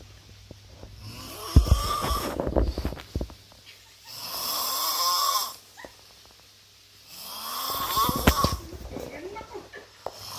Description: The world's most snoring superhero